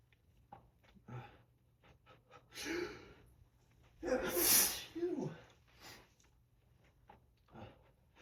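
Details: Morning allergic sneezing during heavy pollen season: two forceful, explosive, full-body sneezes, each preceded by a sharp indrawn breath.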